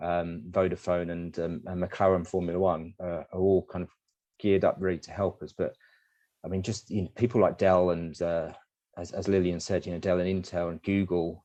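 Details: Man with dysarthria, a user of the Relate speech-captioning app, featured in motor neurone disease association presentation, speaking with Relate captioning switched on; slurred speech; dysarthria.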